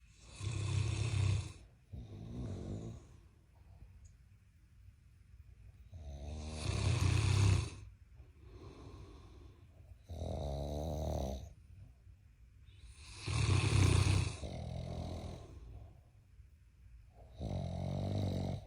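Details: Giant Mastiff puppy and a husband snoring together: loud, deep, rattling snores in repeated bursts every few seconds from two sleepers; heavy snoring.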